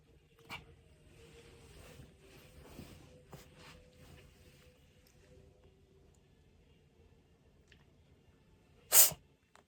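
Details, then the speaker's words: Siberian cat, recorded to show the vet; quiet room with faint snuffling, then one sharp, sudden sneeze, unlike the drawn-in snorting of a reverse sneeze. "猫のくしゃみと逆くしゃみのリアルな映像と音声が流れます。なお、どちらも今は大丈夫です。"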